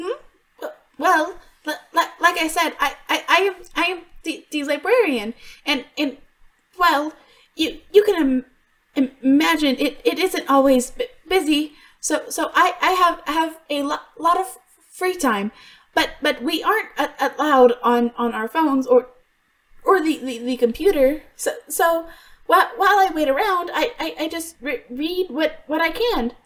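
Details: Stuttering in an adult female voice actress voicing a character who stutters; she reports she truly stutters, worse when extremely stressed, and genuinely struggled on some words here; character calls it a deep-rooted psychological issue not cured by attempts to fix it.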